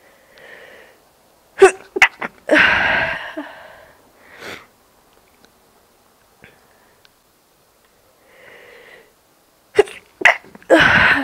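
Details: Two sneezes, each with a drawn-in breath and sharp catch, then a loud explosive burst through nose and mouth; quiet room.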